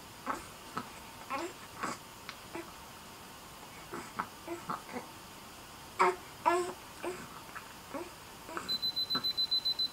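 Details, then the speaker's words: A baby with fever has temperature taken orally with a digital thermometer; quiet infant sounds and handling, then rapid high beeps as the reading completes. Reading 100.2, down from 101.2 earlier. "so you just pop it on and press it down and it works fine and then you press this green this blue button like this and then you hear the beep it turns green and you just put it in his"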